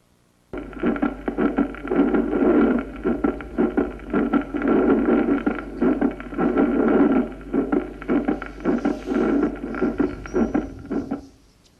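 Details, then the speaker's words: Regular heart sounds with a soft midsystolic ejection murmur: a functional pulmonary flow murmur in atrial septal defect. "vamos a escuchar un soplo mesosistólico de inyección pulmonar funcional en una comunicación interauricular primero"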